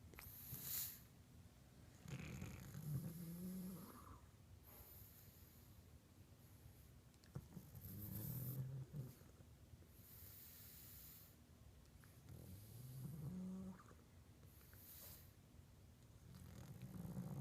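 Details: Sleeping pug snoring: low, rattling snores recurring about every five to six seconds, with soft whistling highs on some breaths; ordinary snoring.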